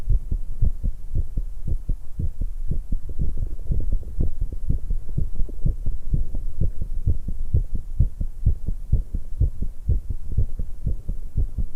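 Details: Fast, pounding heartbeat of a 19-year-old female at about 125 beats a minute, a normal rise in heart rate after exercise; drinking and stomach noises also occur in the recording.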